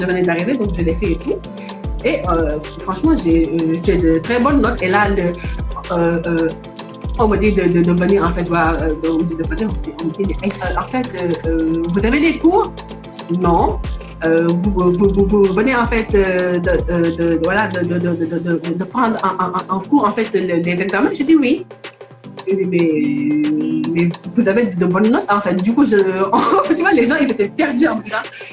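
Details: Young woman student from Senegal living in France, speaking French, working to overcome her stutter; stuttering.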